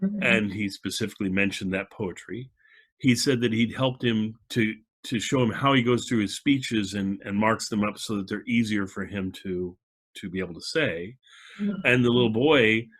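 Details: Adult male speaker; normal speech.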